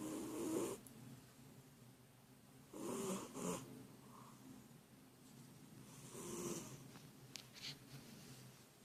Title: Funny cat snoring when he sleeps